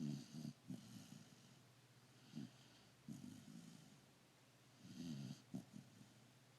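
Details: Sleeping dog: low rattling snores recurring every two to three seconds with quieter breathing between, over a faint steady background hum; snoring.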